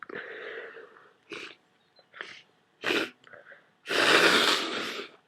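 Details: A person with a wet head cold who took a strong decongestant makes a few short sniffs and snorts with congested, mucousy breathing, building to a single loud, wet, spraying sneeze.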